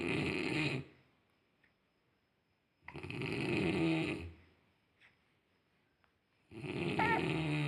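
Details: Snoring.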